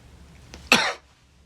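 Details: Cough from an adult man who says he has been under the weather, during a mock interview: cough.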